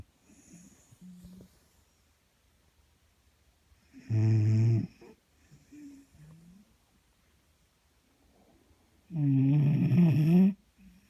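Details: Two loud, rough, rattling snores several seconds apart, with quieter breathing between them; snoring.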